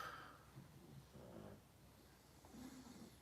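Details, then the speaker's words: Pugs (possibly also a chihuahua) sleeping in a quiet room; low, rough snorting snore sounds: dog snoring. "That junk man is someone snoring. I have 2 pugs and a chihuahua sleeping down here. So yes, pugs snore all the fucking time."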